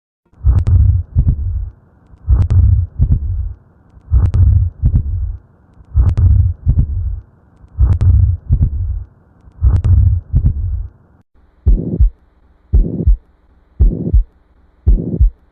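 Regular low paired heart thumps, slow and drawn out, then shorter single beats at a quicker pace.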